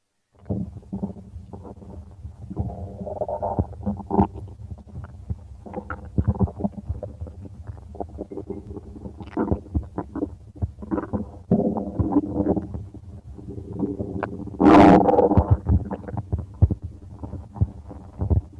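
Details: Continuous gurgling and rumbling abdominal noises with irregular bubbling bursts; stomach growling from gas and fluid moving through the gut, normal bowel sounds (borborygmi).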